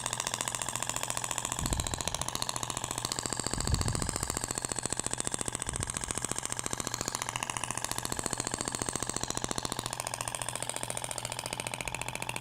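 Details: Radial shock wave (ESWT) applicator with a different tip material, sound differs from polyacetal tip, passed across abdomen avoiding umbilical scar: rapid, regular mechanical tapping, about 3–4 pulses a second.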